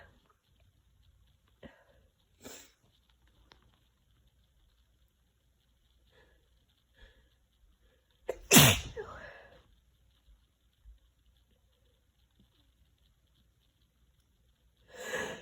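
Sniffles and short breaths building to a loud wet sneeze, then another sneeze starting; sneezing with a cold.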